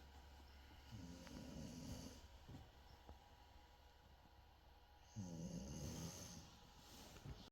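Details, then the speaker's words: Tired young child who fell asleep while watching a show before bed, snoring: two soft, rattling snoring breaths a few seconds apart over quiet room noise and faint television sound. "So tonight the AUC kids are really tired and they didn't make it through the show we're watching, and we've even got a little snorer over here."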